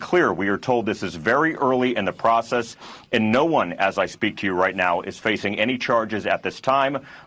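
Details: Adult male speaker; Normal speech.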